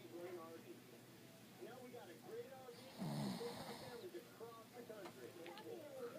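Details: Person snoring during sleep.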